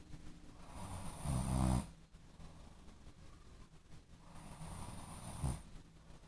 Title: Snoring while sleep - wakes up